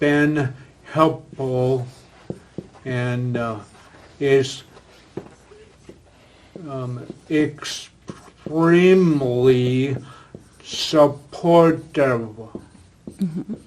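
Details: Man with aphasia acquired after a stroke, previously in a professional career, attending an aphasia conversation group; aphasia.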